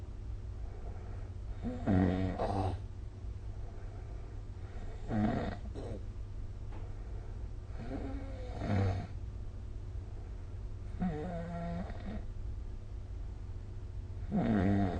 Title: 🐽 Snoring Sleep Sound / いびきの音